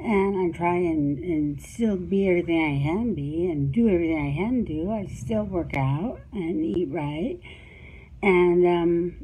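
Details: Woman with cerebellar ataxia, recorded about four years after a first recording with worsened speech; quite variable speech: ataxic dysarthria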